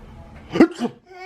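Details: One quick, forced sneeze-like burst with a brief tail, a playful fake sneeze performed for a 15-month-old baby who finds it funny; simulated sneeze, not real.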